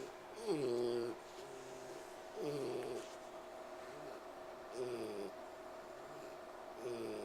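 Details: Pig named Bogey wheezing while trying to sleep: squeaky, whistling noises falling in pitch, recurring about every two seconds with each breath.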